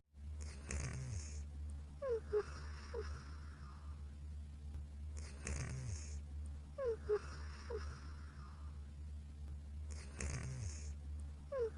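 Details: Cartoon-style looped snoring, about 13 cycles a minute, with low rumbling inhalations and little falling whistles on each exhalation.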